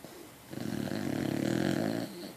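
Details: Beacock dog snoring: one loud, rattling snore on a single in-breath.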